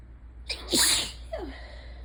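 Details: Single sharp, explosive sneeze with a short voiced trail, part of an allergic sneezing fit during ragweed season, with light rain in the background.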